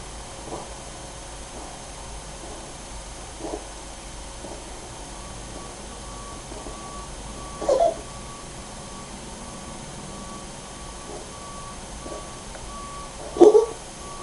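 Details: Adult female cat with suspected long-standing cough since 2003 (owner thought hairball), recorded 2005: sparse, brief wheezy hacking in a quiet room, later recognised as the start of feline asthma episodes like one that led to emergency care.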